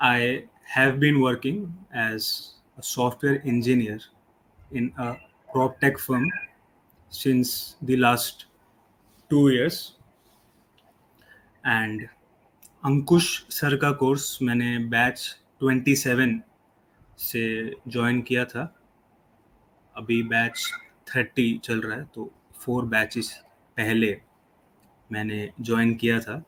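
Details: 25-year-old man who stammers, improved after a fluency course but still has occasional blocks; stuttering.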